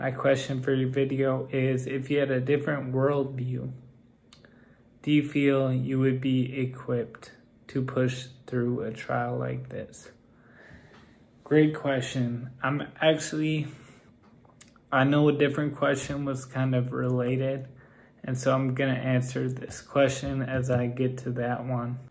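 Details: Male with Friedreich's ataxia whose speech has become progressively more impaired. Ataxic dysarthria.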